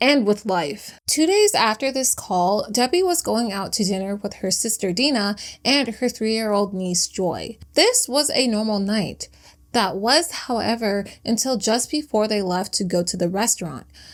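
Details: Adult female narrator; ordinary speech.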